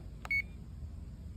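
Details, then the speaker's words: A click, then one brief electronic beep as a keypad arrow button is pressed while programming a CADD PCA pump; normal key feedback. "we're going to Arrow up until we get to the desired amount and then we're going to say save"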